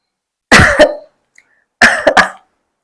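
Acted cough: a double cough burst, a pause, then a triple burst, short and forceful in a quiet room.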